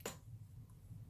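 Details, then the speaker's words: A person's own hip joint gives a single sharp, dry pop, followed by quiet low room hum. "god did you hear that that was my hip popping"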